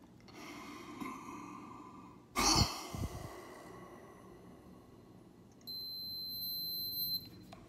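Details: Microlife PF100 handheld spirometer, self-administered weekly at home by a man nearly 57 with cystic fibrosis: sharp forceful blast of breath then steady beep; forced exhalation lung-function test, FEV1 reading 2.86.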